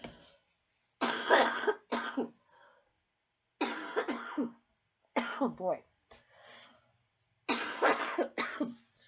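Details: Repeated bouts of harsh coughing, several coughs each, with quiet gaps between; a persistent cough from a person who is still unwell and hurting from the coughing, in a small room.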